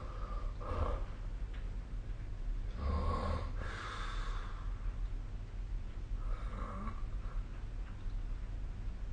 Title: 🐽 いびきの音 / Snoring Sleep Sound 2025/05/25